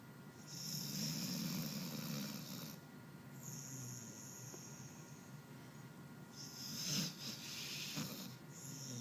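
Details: Snoring while asleep and twitching: repeated rough, rattling breaths with loud hissing and snorting on each breath.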